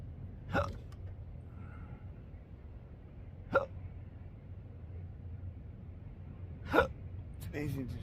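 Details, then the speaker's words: Intractable hiccups since December 2015, after surgery with nerve damage (pudendal injection, phrenic and vagus nerve involvement), recorded outdoors on a roof at sunrise: three sharp, abrupt hiccups at irregular intervals over a quiet background. "uh my morning meditation that I come on through the roof and uh enjoy the sunrise while I'm hicoping."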